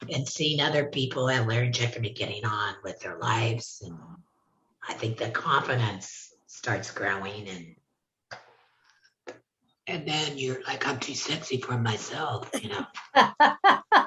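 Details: Adult laryngectomee speaking; alaryngeal speech after laryngectomy.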